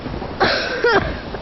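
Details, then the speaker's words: Two short, harsh acted coughs from an adult over light background noise, in a cough syrup advertisement. "Bacteria भी भड़का, हुआ जबरदस्त खांसी का हमला।"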